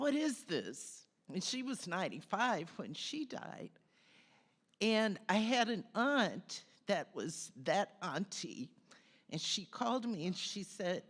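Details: Adult woman with spasmodic dysphonia, which she describes as stress related, diagnosed by an ENT doctor; spasmodic dysphonia.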